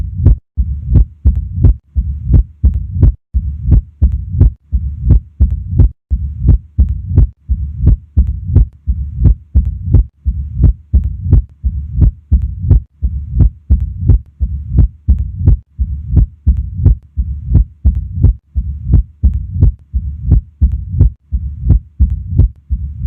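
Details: Heart sounds on auscultation at the apex: mitral stenosis murmur.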